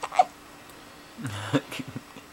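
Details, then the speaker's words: Male with hiccups: short, abrupt gulping catches of breath, each with a brief voiced sound, over quiet room noise. "got the hiccups oh and maybe he's pushing out a turret at the same time maybe oh that's kind of a hickory bubblehead"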